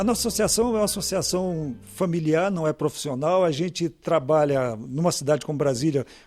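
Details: Adult man speaking Portuguese; Normal speech.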